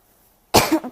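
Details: A single sudden, harsh cough burst after silence, with a short voiced tail, from a person ill with a flu cough: cough.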